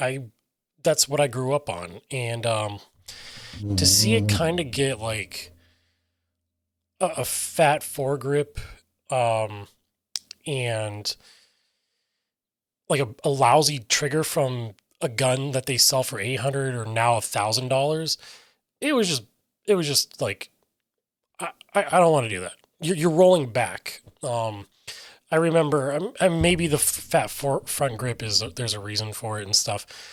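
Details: Adult man with self-reported aphasia; aphasia.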